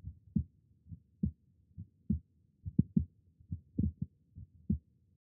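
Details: Digital stethoscope recording shown with phonocardiogram and spectrogram capturing mostly 20–200 Hz: regular lub-dub near 70 a minute, clear first and second sounds, no added noise; normal heart sounds.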